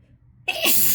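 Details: Short indrawn breath then one forceful, hissing sneeze within a harsh sneezing fit induced by chhinkni (sneezing powder), with heavy exhalations around it.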